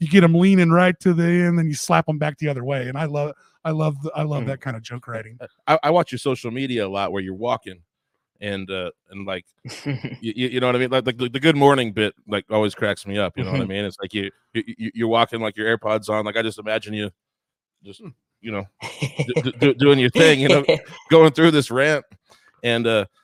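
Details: Adult male with a real stutter, word repetitions in conversational speech; stuttering.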